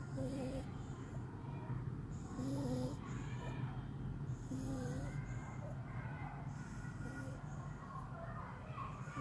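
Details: Sleeping French bulldog snoring: repeated low snorting, rattling breaths with a faint whistling note.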